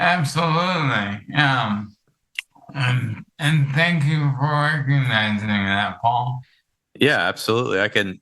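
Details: Adult man with ALS affecting his vocal cords, which makes talking for long periods difficult: dysarthria (ALS).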